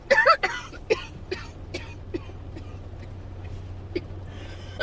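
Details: An adult who woke up coughing and hasn't stopped, and seems to be getting sick, gives a run of about eight short, sharp, dry coughs in quick succession over a low hum. A dry coughing fit.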